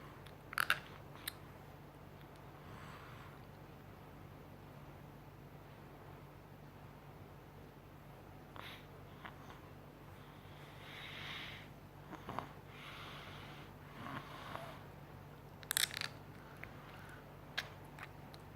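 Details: Short, quiet scraping and crunching bursts from an 8-year-old Chinese boy grinding his teeth, against a steady low room hum: bruxism.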